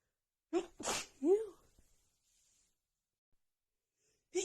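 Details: Woman's non-stop sneezing fit after about an hour outside in snowy cold, nose runny, with dust also blamed: three voiced sneezes in quick succession, a pause, then another beginning.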